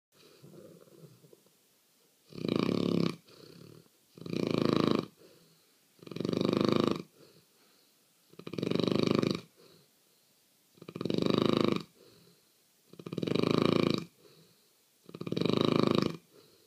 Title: Daisy snoring 03-12-14